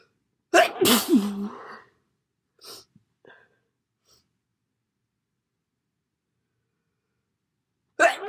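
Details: A loud explosive sneeze with a sharp intake of breath before it, a few quiet sniffs after, then the start of another sneeze.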